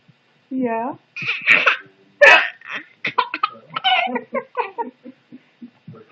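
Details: An adult's sharp, abrupt hiccups, followed by a baby's rapid bursts of laughter.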